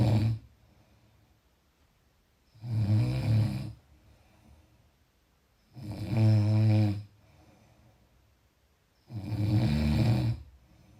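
Steady low, rumbling snores about every three to four seconds, roughly 18 breaths a minute, with quiet out-breaths between: continuous snoring in sleep.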